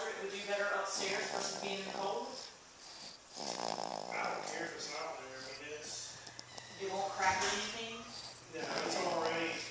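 Repeated loud, fluttering, snorting breath noises with a throaty rattle, heard against some background noise: snoring.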